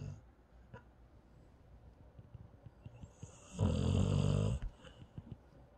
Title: Cute Snore from a cute paralyzed dog